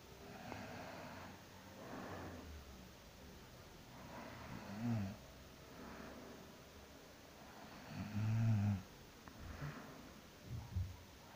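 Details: Person sleeping after work, snoring: low, rough rattling sounds with each breath, about 17 per minute and somewhat irregular, over room noise.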